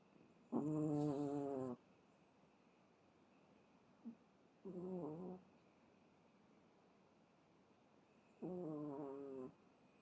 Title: Chihuahua Bono in deep sleep. Snores over and over. So cute. ♥️#chihuahua